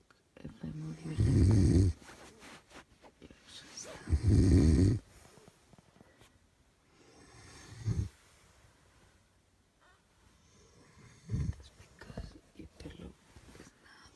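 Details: Audio-only recording of a sleeping adult man snoring: loud, low, rattling snores on the in-breath roughly every three seconds, with quieter breaths between; ordinary snoring.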